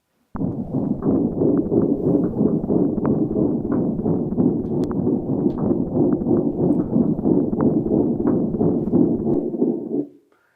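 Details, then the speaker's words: Cat with patent ductus arteriosus: constant loud rumbling murmur with no quiet gaps between beats; continuous machinery murmur. "So I don't have a real diastolic in a cat but I do have this cat with a PDA and again sounds like that machinery sound that we hear in in dogs."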